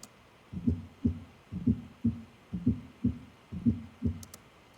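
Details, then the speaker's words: Simulated heartbeat at about 60 a minute with a soft low extra beat, the fourth heart sound, just before each first sound (S4, S1, S2), less rhythmic than an S3 pattern; S4 gallop. "So I would argue less groovy than S3."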